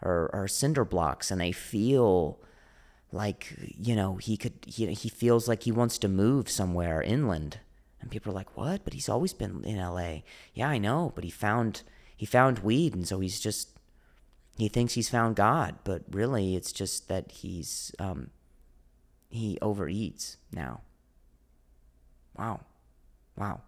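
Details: Adult male comedian who stutters; stuttering with audible repetitions.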